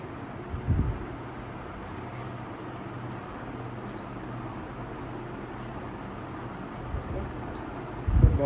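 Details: Graseby 1200 infusion pump running after start, demonstrated with rate and bolus settings: steady low mechanical hum with faint soft clicks.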